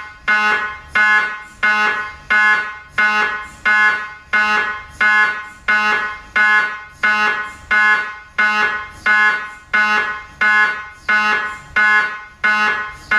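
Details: Loud, regular harsh electronic buzzing pulses repeating about 44 times a minute: MRI scanner noise.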